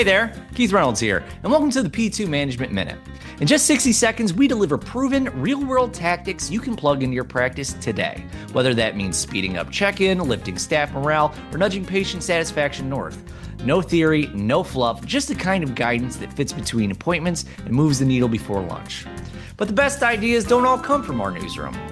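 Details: Adult male speaker; typical speech.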